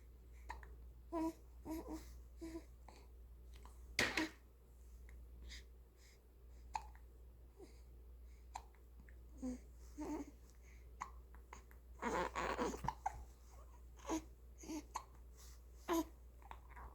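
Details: Infant boy's hiccups: quiet room with soft infant coos and repeated short, abrupt catches in the breath, spaced irregularly.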